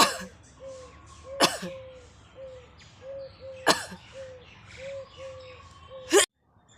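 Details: Sneezing triggered by poking a stick into the nose: three sharp, explosive sneezes with short breathy catches before each burst, over background birdsong.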